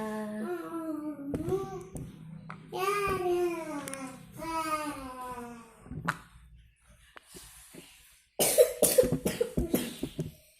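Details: Feverish child with a cough and cold, being treated with shallot and eucalyptus-oil rubs: whiny vocalizing, then a burst of about six rapid coughs near the end.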